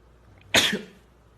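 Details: Male singer's single abrupt, explosive sneeze in a quiet room, described as sounding like he's going to die.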